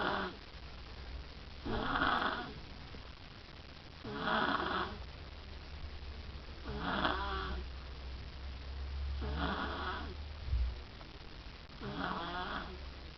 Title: snore zzzz